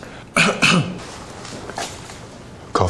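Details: Acted comedy: soldiers lined up for medical examination, doctor asks each to cough; two short, forced coughs close together, then another starting; voluntary cough on request.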